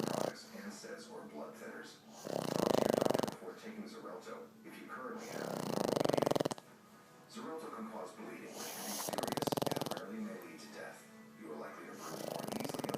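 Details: Hobbes snoring in a small room: loud, rattling snores, one roughly every three to four seconds, with softer snuffling breaths between them.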